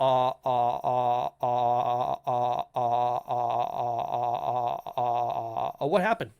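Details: Stuttering (self-reported) in an adult male podcast host who says people in voice chat often ask him to repeat himself.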